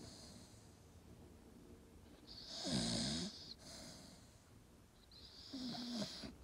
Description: Staffy snoring